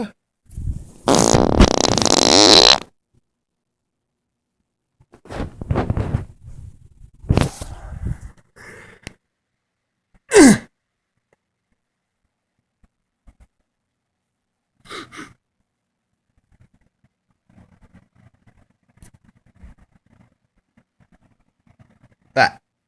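A loud, sputtering passage of gas opens the clip, followed by scattered harsh bursts like coughing and quieter noises.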